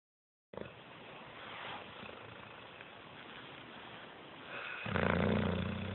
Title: More Crush Snoring